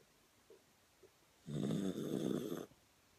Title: Taco Snoring